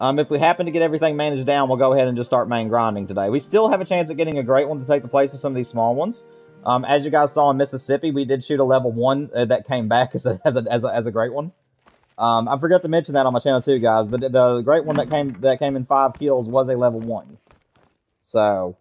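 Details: Adult man who stutters, getting stuck in sentences; he attributes it to wanting to talk faster than he thinks and says it worsens with little sleep, as the night before; stuttering.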